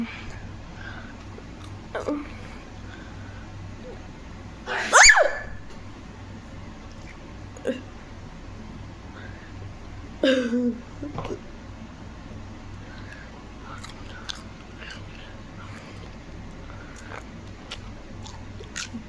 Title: My dad sneezes as loud as he can! 😭